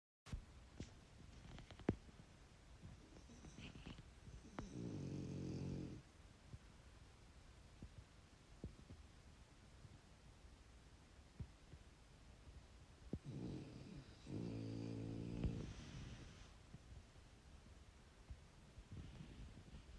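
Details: Loud snoring from husband and dogs: two low, buzzing snores about ten seconds apart in a quiet room, with scattered clicks and rustles.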